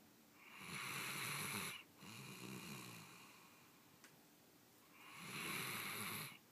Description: 2 years old German Shorthaired Pointer is snoring with open eyes.